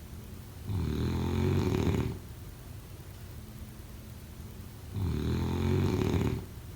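Two loud, rattling snores on the in-breath, about four seconds apart, with quiet pauses between: typical adult snoring.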